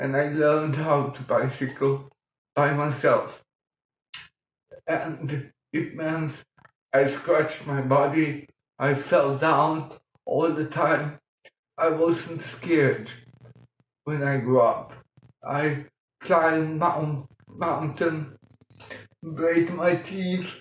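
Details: Adult man born 1958 with mild cerebral palsy from lack of oxygen at birth; childhood speech problems later eased by music-aided breathing changes; mild dysarthria in cerebral palsy.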